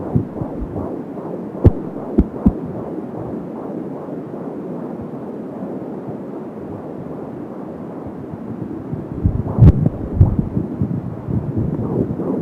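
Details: Fetal heartbeat at 15 weeks of pregnancy on an Angel Sound home fetal Doppler, about 170 beats a minute: rapid soft whooshing pulses through static, with whooshing umbilical cord sounds and a few probe-handling bumps.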